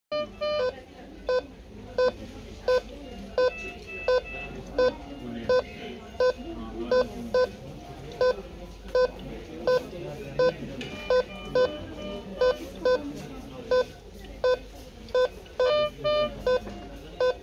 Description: Cardiac Monitor in emergency department of a patient with Normal Sinus Rhythm with atrial ectopics (Atrial premature beats)